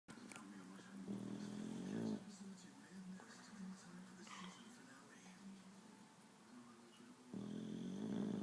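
Low, buzzing, slightly tonal snoring sounds with quieter breathing between them. Sleep snoring.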